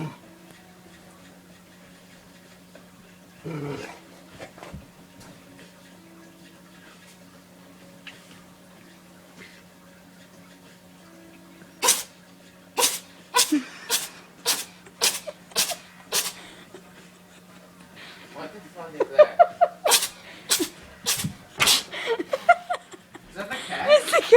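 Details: Cat sneezing: rapid run of short sharp sneezes over steady room hum; sneezing.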